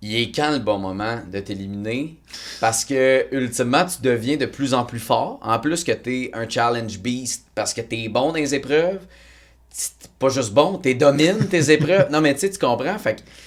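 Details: Adult male speaker; typical speech.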